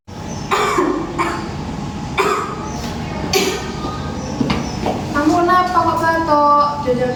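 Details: Several harsh cough bursts, then speech: an acted, simulated cough in a nursing-student effective-cough practice role-play of a child with breathlessness, cough and trouble bringing up phlegm, before chest physiotherapy.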